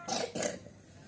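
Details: A bird gives two quick, harsh cough-like bursts, one right after the other, in a quiet room.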